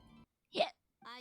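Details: Adult woman's hiccup: one short, abrupt voiced gulp between brief stretches of background music.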